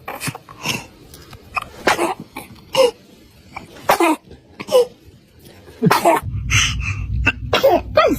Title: funny video of toddlers sneezing #viral #funny #trending #baby #kids #tiktok #video #youtubeshorts